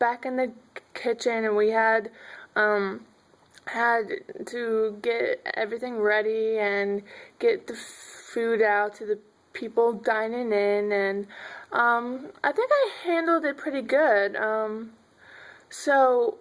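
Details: Adult woman who stutters; stuttering.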